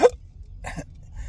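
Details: Single sharp hiccup over low vehicle rumble while driving, in an adult with intractable hiccups since a surgery in December 2015, unresponsive to treatment; hiccups and burps recorded May 16, 2025.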